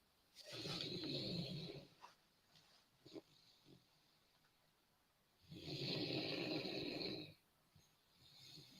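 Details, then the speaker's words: Two long, rough snoring breaths about five seconds apart with a wet, liquidy, gurgling, congested quality from a sleeping pet who has sounded like this for two weeks; owner wonders if he caught a cold, recently saw vet. "Sleeping? Yeah, but you hear how liquidy it is? Yeah. I Huh. don't know. I went to the vet today. I might have to bring him in next week."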